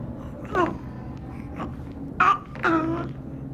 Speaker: we heard a wet noise when symbol was breathing in and out therefore we decided that symbol did not have stridor but a blocked nose